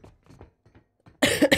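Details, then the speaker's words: Cough: two loud, harsh cough bursts from an adult woman with a persistent cough she says she cannot shake, during a morning game stream, after faint murmuring. "Wait, you're still coughing, Kat, or I'm still coughing? Because I am still coughing. I cannot shake this cough."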